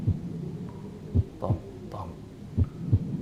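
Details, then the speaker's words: Slow, regular paired heart sounds at about 42 beats a minute, heard by stethoscope on a virtual reality simulated patient in respiratory distress; possible third-degree block or STEMI suggested: bradycardia. "is slow AF my friend we need to get you treated"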